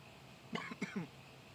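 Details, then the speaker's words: Adult vlogger with a lingering cough after a throat illness, no fever, otherwise not sick: a short burst of two or three throaty, loose, rattly coughs; productive cough. "what's weird is there was literally nothing else wrong with me besides that cough okay I'm not wearing a temperature of any kind I'm not sick in any way"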